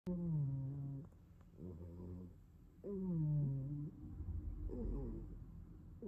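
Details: Sleeping cat; slow breathing with drawn-out, tonal, whistling-buzzy breath sounds about every three seconds: snoring.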